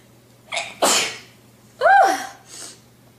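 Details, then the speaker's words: Young woman sneezing in the morning; she says she is very sneezy and seems to be getting a cold. Two sudden, explosive sneezes, each with a brief catch of breath before it, followed by a softer exhalation. "sorry guys I I really am getting a cold it seems oh Lord Jus excuse me I'm going to sneeze I"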